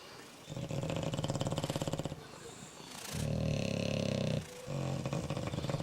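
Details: Two bulldogs snoring loudly, with rattling bursts and a deep buzzing flutter on each breath and brief quieter pauses, while someone checks them out; heavy dog snoring.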